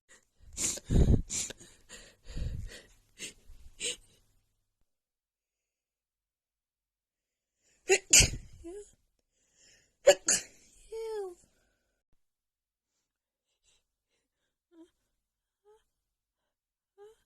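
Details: Rapid burst of several sharp sneezes, then two more after a pause, with quiet breathing between; a morning sneezing attack that the person puts down to seasonal allergies acting up just before spring.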